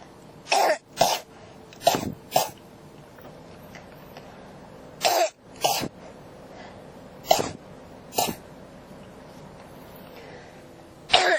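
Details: Persistent cough: repeated coughs, mostly in pairs, about ten in eleven seconds, over a steady low room hum.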